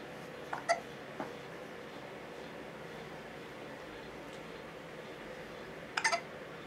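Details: Infant son with a few brief, sharp hiccup sounds seconds apart over steady room noise, recorded with a Canon HF M506 camcorder; hiccups.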